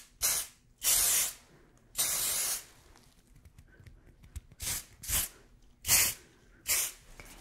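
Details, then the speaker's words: Simulated role-play of a first aid spray applied to a burn wound to relieve pain and reduce infection: about eight short hissing spray bursts from a pump bottle. "this is a first aid Sprite it's gonna relieve the pain but it's also going to help reduce infection"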